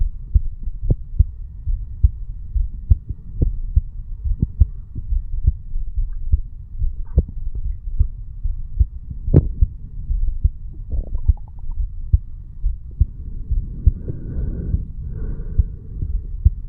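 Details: 35-year-old male sitting on stairs, heartbeat recorded over the bicuspid (mitral) valve area: steady low thumping normal heart sounds at about 70 beats a minute with faint background hum and rustle.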